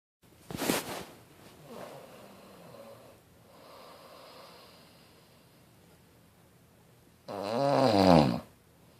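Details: Ordinary snoring during sleep: quiet breathing sounds, then a loud rattling snore on one breath in.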